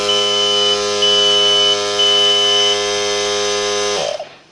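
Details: Ventilator alarm.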